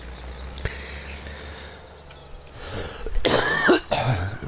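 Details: An adult with an irritating cough (Reizhusten) gives a few harsh, dry cough bursts after a quiet stretch of room noise; dry cough.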